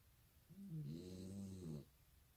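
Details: A female dog asleep on the pillow beside its owner snores loudly "like a man": a single long, low, vibrating snore on one inhaled breath.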